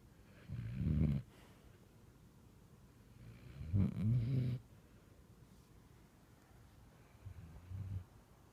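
Three low, rumbling snores from a sleeping dog, spaced a few seconds apart, with quiet pauses between them.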